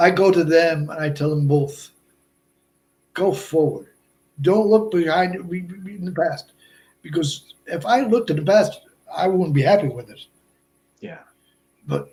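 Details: Adult man, more than 8 years after a stroke, with relatively good understanding; Broca's aphasia.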